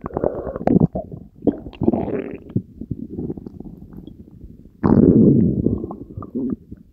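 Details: Belly after swallowing Diet Coke and Mentos: irregular low gurgles and bubbling rumbles; bowel sounds of digestion.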